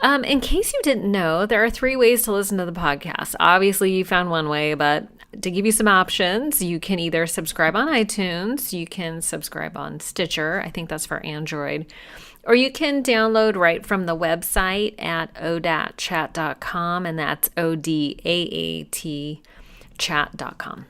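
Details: Adult speaker; Normal speech.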